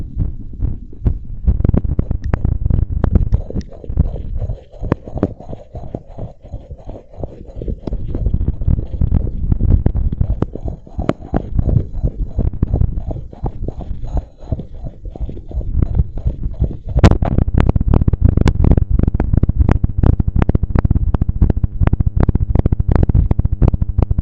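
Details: Adult woman's heartbeat recorded with a microphone held by a belt on the chest after bouncing around and blowing up a large balloon: fast, strong, regular pounding heart sounds with a muffled low rumble.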